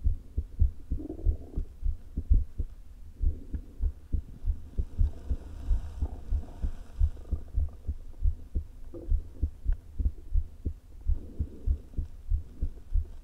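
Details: Woman's heart recorded herself via stethoscope placed low on chest: low thumps with uneven spacing and faint stomach-rumble gurgling; irregularly irregular atrial fibrillation with a leaking heart valve, before open heart surgery.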